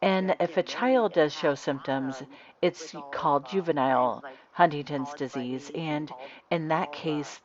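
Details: Adult speaker; normal speech.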